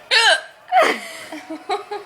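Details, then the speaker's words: Hiccups from a person trying to control them. "I'm sorry trying to control my hiccup can you still hear it yeah it start to"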